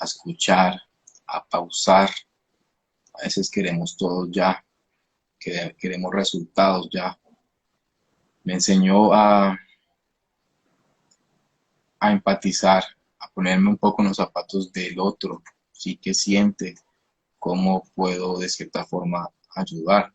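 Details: Stuttering in an adult man, himself a speech-language therapist, who began therapy at age 13; he says it was emotionally triggered, with a genetic component since his father also stutters; finding: stuttering.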